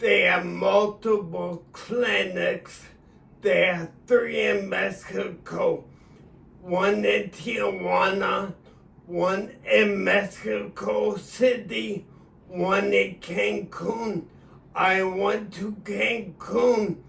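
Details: Adult man with acquired cerebellar ataxia of sudden onset about three years earlier after a seizure and stroke; speaking about four weeks after stem cell treatment, which he says changed his voice and eased word struggle; ataxic speech (cerebellar ataxia).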